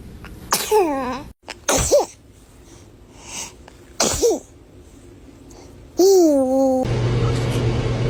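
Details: Baby giving three quick high-pitched squeaky sneezes followed by a brief squeal over low room hum: baby sneezes.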